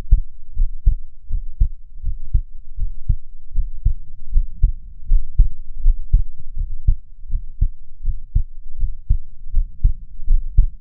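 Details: Own real heart recorded nearly unedited while breathing slowly to keep the rate down: steady paired low thumps at about 78 beats a minute; normal heart sounds.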